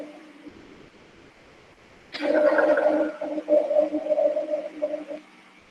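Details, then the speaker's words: Veterinary lung auscultation: low, rumbling, snore-like coarse vibrating sound from obstructed airflow in the large airways, usually due to airway secretions; rhonchi. "son ruidos que se parecen a ronquidos y ocurre cuando el aire queda obstruido o el flujo de aire queda obstruido y se vuelve áspero a través de las grandes vías"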